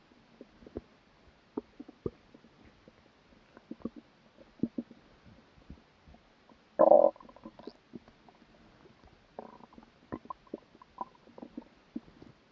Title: Stomach growl (After eating)